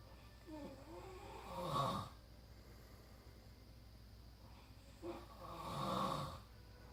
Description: Trying to sleep after long road trip and son is snoring his ass off.